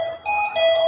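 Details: Clear electronic alarm tones in a pitched chime pattern from a ventilator alarm, heard during a ventilator settings tutorial covering tidal volume, oxygen concentration and AC or SIMV mode.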